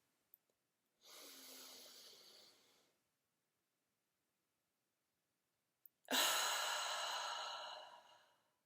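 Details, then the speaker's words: Physical therapy student demonstrating a COVID-19 airway clearance technique, the low-level huff: nasal inhale held three seconds, then abdominal forced open-mouth O-shaped exhale until empty; two long breaths out, the second louder and longer. "slowly inhale through your nose and hold it for three seconds then force the air out of your mouth by using your abdominal muscles and maintaining an open airway by keeping your mouth in the shape of an O until there is no air left in your lungs"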